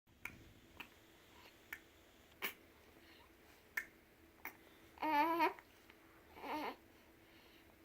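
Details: Six short, sharp hiccup clicks roughly every second, then two brief babbling or cooing sounds from a young child in a quiet room; hiccups.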